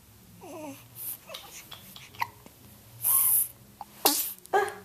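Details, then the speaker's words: Three-day-old small pet bird sneezing: tiny chirps and soft breaths, then a few brief, sharp, high-pitched puffy sneezes. "Oh, goodness, you sneeze a lot."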